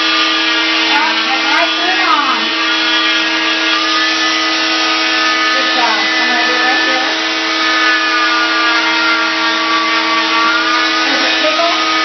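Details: Arm cast removal near the elbow: loud steady high-pitched motor whine with shifting pitch as an oscillating cast saw cuts the cast; faint voices underneath. Oscillating cast saw cutting a cast.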